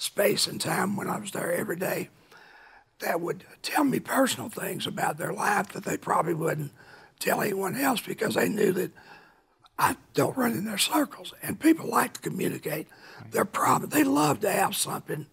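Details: Adult man with a rough voice from laryngeal cancer, a vocal cord spot found by an ENT specialist and confirmed by biopsy about 23-24 years earlier; now cancer-free, voice remains altered; dysphonia (rough voice) after laryngeal cancer.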